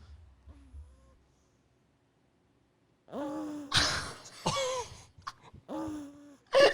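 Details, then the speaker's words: Snoring of a sleeping pet dog, microphone held close to her face: irregular squeaky, whistling breaths with a few rougher snorts in a quiet room. "he turned his mic on grabbed it off the stand and he put it down in my baby's little face and you can hear her snoring it's so cute"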